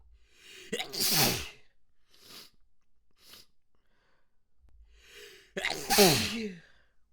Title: Messy Wet Sneezes, Stifles, Snotty Sounds, Noseblows